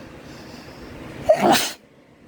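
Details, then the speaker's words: Male with pollen allergy: a single forceful sneeze with sharp intake and explosive burst, with watering eyes, after box fans pulled outdoor pollen indoors while the AC was broken; allergic sneezing from pollen. "i like a good sneeze but it's a little too much right now oh goodness i knew that i apologize oh that feels better"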